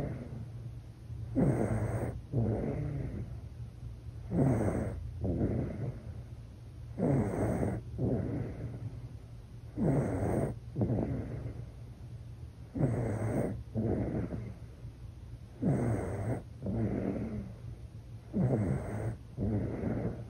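Soft, regular snoring from a sleeping baby, about 21 breaths a minute, each with a rough inhale and exhale.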